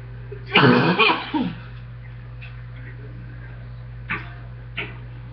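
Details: Deep, loose chest cough during a recurring chest cold: two or three deep coughs, then a couple of faint short coughs over a steady hum.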